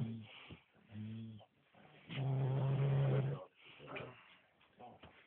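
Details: Adult man asleep after heavy drinking: loud, low, rattling snores in irregular bursts, with one long drawn-out snore in the middle; snoring.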